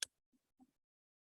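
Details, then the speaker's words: Simulated chest percussion demonstrating a tympanic note, as over a pneumothorax versus dull over pleural effusion: a sharp click, then two quiet, hollow taps. "so if I have a pneumothorax I'm going to have a tympanic sound if I have a pleural effusion when I percuss over that area the sound is going to be dull because fluid is going to absorb the sound"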